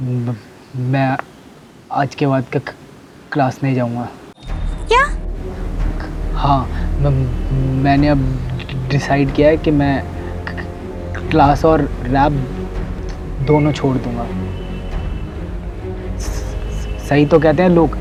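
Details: Acted stuttering performed by a male actor portraying a young college rapper who stammers in a scripted short film.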